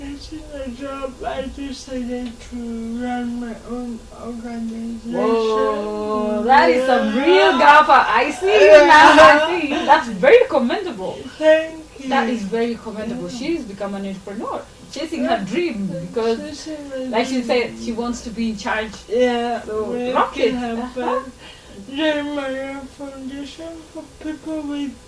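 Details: Adult women in conversation; conversational speech.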